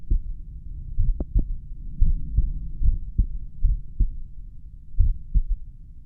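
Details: Slow paired heart thumps at rest, recorded at roughly the mitral area (uncertain) with a pulse oximeter counting; faint high beeps from its low heart rate alarm; bradycardia.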